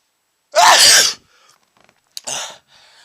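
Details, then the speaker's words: Sneezing after sniffing chhinkni (snuff) into the nose: one loud explosive sneeze, then a shorter, quieter second burst; irritant-triggered sneeze. "I just sneezed because I just sniffed a whole bunch of [ __ ] into my nose"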